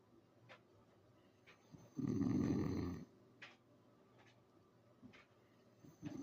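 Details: Sleeping English bulldog snoring: one loud, rough fluttering snore about a second long, then quiet breathing with faint soft snuffles in a small room.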